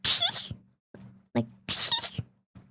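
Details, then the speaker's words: Two very high-pitched, squeaky sneezes with a brief gasp between, from a streamer who describes her sneezes as naturally squeaky, not faked; ordinary sneeze. "Brother, that air is coming out in at like [ __ ] Mach 10 speed. What am I supposed to do?"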